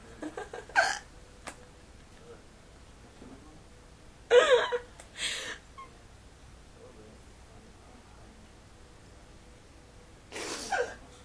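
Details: A few short, abrupt gulping sounds spaced seconds apart in a quiet room, from a person with persistent hiccups they can't stop while playing on a webcam; hiccups.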